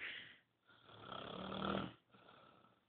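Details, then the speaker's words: A sleeping female snoring loud enough to keep the person beside her awake and audible from another room: two noisy sleep breaths, the longer one rough with a brief tonal whistle; snoring. "this is dinosaurs R snoring a this is why I can't sleep I even right next to her"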